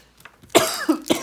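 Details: Adult's nagging coughing spell while talking, which cut the recording short: a single harsh cough followed by a short throat-clearing sound.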